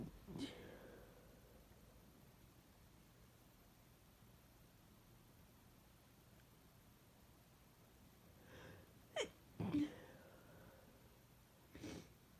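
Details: Induced sneezes during a cold with a very sensitive, congested nose: a few faint catching breaths and two or three soft, stifled sneeze bursts in a quiet room.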